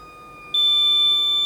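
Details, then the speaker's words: Steady high-pitched electronic alarm from a RespAlert breath monitor, a device for monitoring animal breathing that uses a diode sensor, tested on a person who held their breath near it for about 10 seconds until the apnoea alarm sounded. "The alarm goes off. So that's me holding it to my nose, and that's me holding it if I'm talking. So, yeah, it works."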